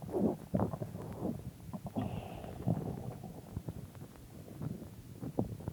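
Soft low rumbling and gurgling with brief bubbly pops; stomach growling, ordinary gut sounds.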